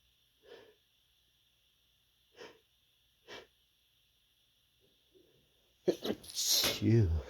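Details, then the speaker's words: Stifled sneezes from a person with an itchy, tickly nose: three short, muffled bursts a couple of seconds apart held back through a closed mouth, then louder voice sounds. "Oh. Oh. Sneeze again."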